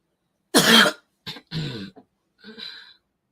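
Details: Adult who says COVID keeps disrupting his speech: one harsh dry cough then several short throat-clearing bursts, a dry cough after COVID.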